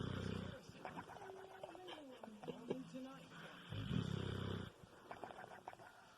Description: Kilo the Bulldog flapping lip snore.